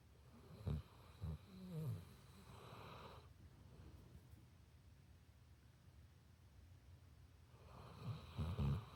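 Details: Sleeping pit bull dog: low, fluttering snorts and rattling breaths, with a long quiet pause between two snoring breaths; snoring.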